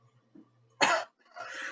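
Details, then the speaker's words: Simulated adult patient coughing in a role-played medical interview, one sharp burst then a longer rougher one, portraying a productive cough present about 6 months with yellowish phlegm and blood streaks, in a smoker. "Me estaba comentando que usted padecía de síntomas, por ejemplo, tos continua y fuerte con flema, con apariciones de mancha de sangre."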